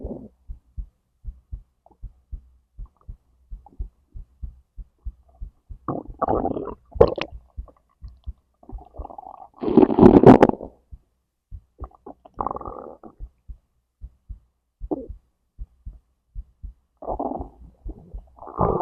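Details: Digestion recording from stomach to intestines with heartbeat: soft regular low heartbeat thumps under bursts of gurgling and rumbling; normal bowel sounds (borborygmi).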